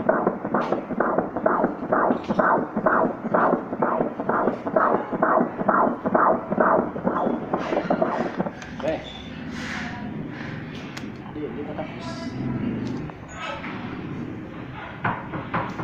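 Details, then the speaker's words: Rapid, regular whooshing pulses at about 130 a minute during a first-pregnancy ultrasound, baby lying prone, then a spoken voice over machine hum; a normal fetal heartbeat on Doppler. "Eh, yung pula na yan, yan yung dugo na lumalabas at saka pumapasok sa puso ng baby mo. Ha? Kasi yan yung pitik niya."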